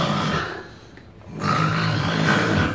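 An adult imitates loud snoring: coarse, low, rattling noises, much heavier than light snoring.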